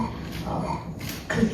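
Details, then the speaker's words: Harsh, croaking, high-pitched noise on breathing in from a child with acute laryngitis (croup), from upper airway obstruction; inspiratory stridor. "후두염일 때 이제 이런 숨 쉬는 소리가 들리는데 이거는 이제 숨을 들이쉴 때 이런 이제 꺽꺽거리는 소리가 들리고요. 상부기관이 막혔을 때 이런 소리가 들립니다."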